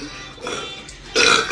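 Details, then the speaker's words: Woman burping after drinking very carbonated soda that hurts to drink; she rarely drinks soda and vomited two days earlier. A softer belch, then a loud, drawn-out one, with faint music; she dislikes airy-sounding burps. "but I hate it when they sound Airy like that"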